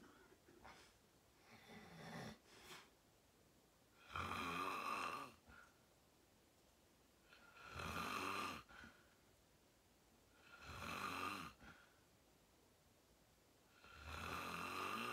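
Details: Self-recorded sleep video, fell asleep at 8:45 in deep REM sleep, tagged sleep apnea: loud harsh snores about every three to four seconds with quiet pauses, small room; snoring.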